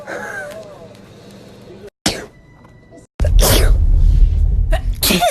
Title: TikTok Sneezing Compilation | Sneeze Tube